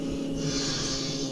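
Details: A single rough, snorting snore breath from a sleeper with obstructive sleep apnea, recorded during a sleep study with breathing and blood-oxygen sensors.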